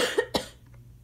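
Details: Two short, harsh coughs in quick succession from an adult with asthma who was having trouble taking an inhaler, followed by quiet room noise. Asthma cough.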